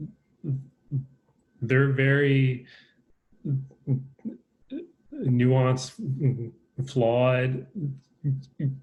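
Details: Stuttering in an adult man with a lifelong stutter, speaking in a conversation.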